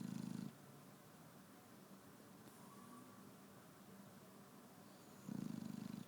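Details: Shar-Pei dog snoring while asleep in the morning: a loud rattling snore on inhalation at the start and end, with quieter breathing between.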